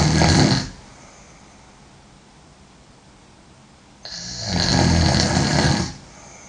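Two loud, rough snores with a quiet pause between them, typical of deep snoring during sleep.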